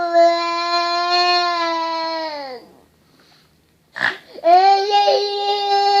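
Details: Loud, high-pitched infant crying with a falling wail, a brief pause and a sharp catch of breath, then crying resumes; infant crying while coughing.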